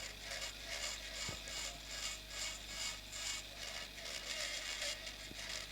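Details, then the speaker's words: Temporal bone dissection demonstration, drilling bone at level of the facial nerve vertical segment toward the styloid, near sigmoid sinus and perilabyrinthine air cells; steady high-pitched whirring hiss with faint grinding; surgical bone drill. "So this is level of my facial nerve vertical segment and I will drill all this bone to expose it till the styloid for"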